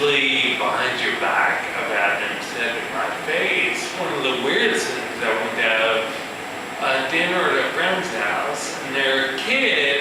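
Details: Adult male musician with ataxia, a progressive neurological disorder in which cerebellar cells die, affecting balance and speech; ataxic dysarthria.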